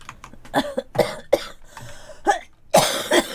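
A run of about six short, dry coughs with a throat-clearing sound, indoors.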